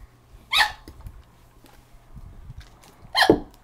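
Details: Hiccups while a friend tries remedies: two sharp, abrupt voiced "hic" sounds about two and a half seconds apart over quiet room noise.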